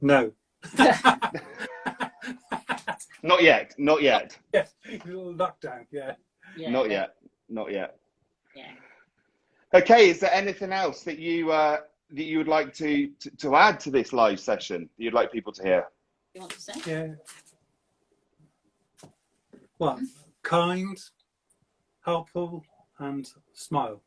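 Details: Man with aphasia for seven years since a stroke at age 50, speaking in fragmented, non-fluent speech; non-fluent aphasia.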